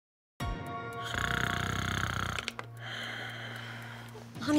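An acted, loud, rattling snore on one long breath, followed by a steady droning hum with music in the background; snoring.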